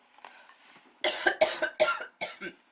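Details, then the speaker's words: Adult sick since Monday (now Thursday) with a cough that was wet and is now dry: a quiet moment, then about four sharp, harsh coughs in quick succession with no wet rattle; dry cough. "Anyway, I am sick. Yeah, so I'm gonna be a little slow today."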